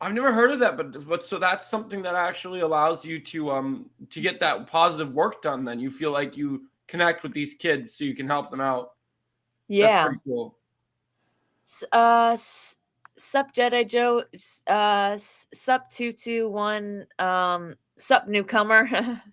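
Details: Adult male podcast guest practicing reading DC comic books aloud to help his stuttering, which he says helps a little; stuttering.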